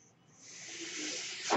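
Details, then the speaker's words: The speaker's own mechanical ventilator, which they say is the noise heard: a soft hiss of airflow swells over about a second as it delivers a breath. "hello everyone my name is we're that noise you're hearing is my ventilator"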